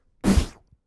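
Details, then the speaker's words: Brief vocal whooshing burst imitating the systolic murmur of aortic stenosis, blood squirting through a narrowed aortic valve that doesn't open fully during contraction. "you hear a noise. If the mitral valve didn't close all the way, when you squeeze, the blood squirts backward, it goes, and you hear a noise. So your systolic murmurs are ones that are occurring while you're squeezing."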